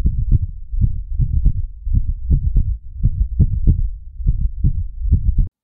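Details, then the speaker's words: Cat heart arrhythmia through a stethoscope: low heart thumps at uneven intervals, an irregular rhythm that should prompt further investigation such as echocardiography. "And finally, an arrhythmia can also be a clue that something isn't right. Typically, it will sound a bit like this."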